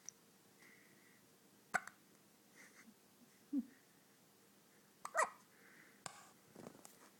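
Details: Hiccups in a boy, recorded 10/2009: several brief, sharp, irregular catches, about 37 a minute, each a short, abrupt, click-like gulp, in a quiet room.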